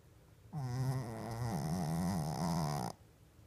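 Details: Shih Tzu dog sound asleep, eyes reportedly open: one long, wavering, tonal snore in a quiet room; snoring.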